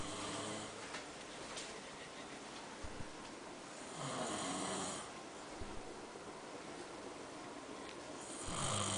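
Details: Rough, rattling snores from the uploader's father on slow breaths, about 14 a minute, over low room noise; ordinary adult snoring.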